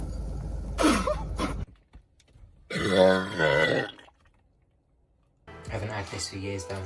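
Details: Long, low, voiced belch in a small room with strained vocal sounds before and after, during a Sprite-drinking challenge; the drinker says it hurts; burping.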